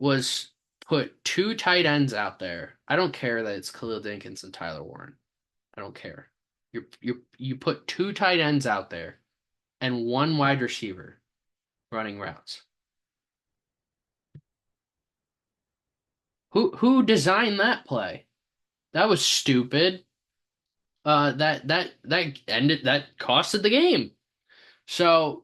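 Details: Stuttering in a male sports podcast host who says he has a stammer; repeated words and part-words are heard.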